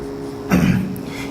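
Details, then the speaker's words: Teacher coughing during a recorded Plus Two chemistry lecture and apologising for it between spoken chemical formulas. "Alcoholic KOH, aqueous KOH രണ്ടും വന്നാൽ CH3 CH2Cl, ഈ ചുമയ്ക്കുന്നതുകൊണ്ട് sorry കേട്ടോ, CH3 CH2Cl."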